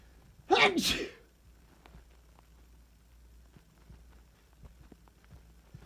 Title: Really loud sneezes (male) 🤧